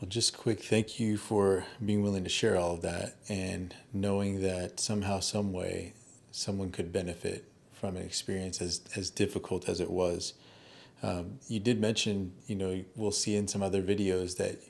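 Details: Adult male speaker (interviewer); typical voice.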